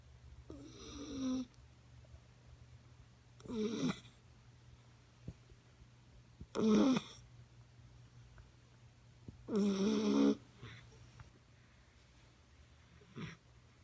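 Rattling, fluttering snores on each breath from a sleeping puppy, about 20 breaths a minute, over a low steady hum.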